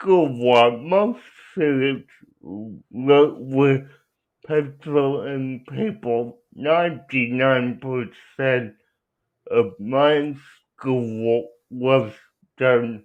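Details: Adult male with cerebral palsy; dysarthria inferred from his speech, not explicitly diagnosed.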